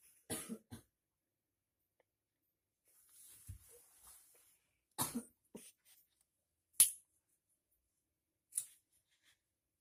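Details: Prank: someone sleeping at 1 a.m. coughs after inhaling irritant smoke from cigarettes and chili blown through a funnel; about five short, dry, irregular coughs with quiet breathing between.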